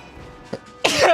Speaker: I'm going to sneeze really loud.